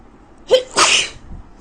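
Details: A woman with a very bad cold who cannot breathe through her nose: a short in-breath, then one loud, sharp, hissing sneeze during a sneezing fit.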